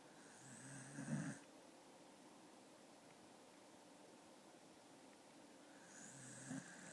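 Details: Sleeping dog snoring: two loud rattling snores on the in-breath, separated by a quiet pause of about five seconds.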